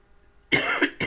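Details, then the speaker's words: Adult with a flu-like illness and frequent cough, drinking mate to keep the throat moist: a single harsh cough burst, then the start of a second after silence. "les pido disculpas por estar tomando mate pero como estoy con mucha tos porque estoy con un estado gripal el hecho de mantener la garganta no seca sino humedecida este me hace toser menos"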